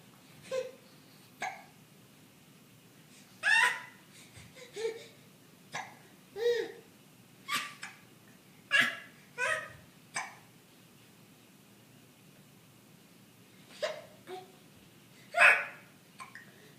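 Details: Infant gives repeated short, sharp hiccups, some with a little voice, in a quiet room, starting after laughing.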